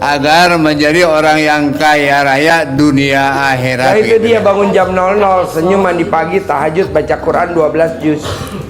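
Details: Adult man speaking; normal speech.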